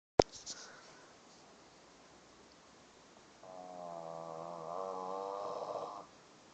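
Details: A single sustained, tonal snore on an in-breath, after a brief click and a quiet pause; snoring.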